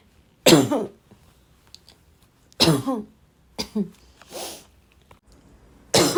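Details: Repeated dry barking cough: several harsh, dry, barking coughs with short pauses between them, some followed by a throat clear.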